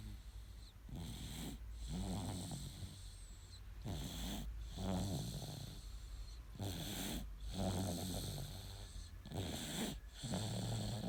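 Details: Snoring in a sleeping 9-month-old baby boy: soft, regular snores with a light rattle, about 22 breaths a minute; ordinary harmless snoring.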